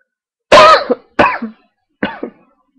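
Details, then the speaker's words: Three short, loud cough bursts in quick succession, each with a voiced tail, from an adult with a cold who had just taken medicine, recorded at 1:38 a.m.; cough. "I am I'm sorry about the coughing um it's actually pissing me off"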